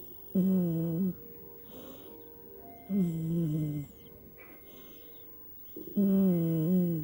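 Loud, tonal snores with a whistling edge on each breath, about three in twenty seconds over quiet background music; cat snoring.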